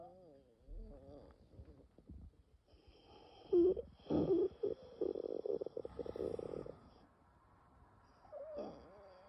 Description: bronchial spasm during a very severe nocturnal asthma attack without coughing. In the end, the bronchi slowly open up again thanks to the rescue medication.